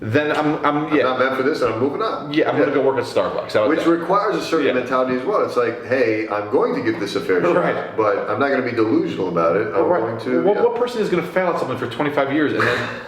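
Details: Adult man speaking; Normal conversational speech.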